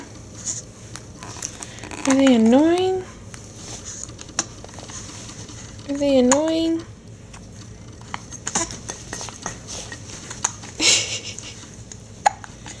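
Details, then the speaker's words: Hiccups in a male infant nearly seven weeks old: two short squeaky vocal sounds in a quiet room with household clatter. "so tell us about those hicups what do you think what do you think oh they're so loud yeah they're really loud aren they"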